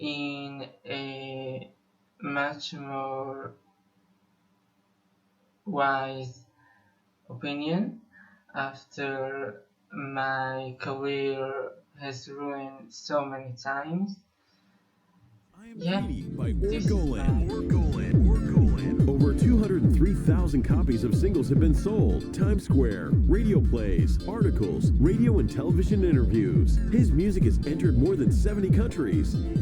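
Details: Musician who says he has been a person who stutters for almost 21 years; stuttering.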